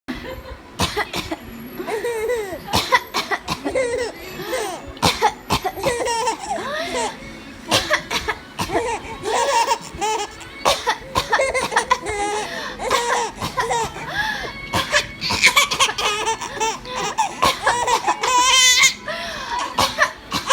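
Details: Adult's pretend (imitated) short, sharp coughs alternating with a baby's bright, bubbling giggles in response.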